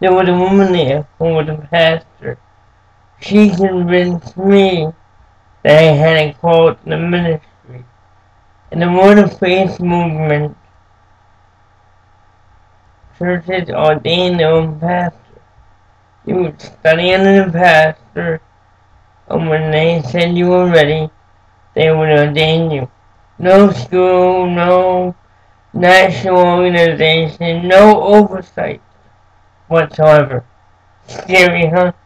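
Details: Adult man born with cerebral palsy, who says it makes him move and speak differently; dysarthria (cerebral palsy).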